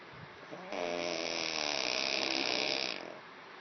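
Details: A single loud, rattling snore on an in-breath, with a harsh fluttering buzz lasting about two seconds: snoring.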